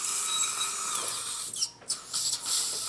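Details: Surgical dental drill during live full-arch surgery on a partially edentulous maxilla: shrill, steady whine of a bur cutting, briefly stopping and restarting.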